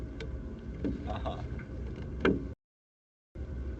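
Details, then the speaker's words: Mouse in a pertussis (whooping cough) model, ten days after inoculation, coughing: a brief high-pitched sound resembling a keyboard click. "so that high-pitched noise is the sound of a mouse coughing oh it sounded like a keyboard click"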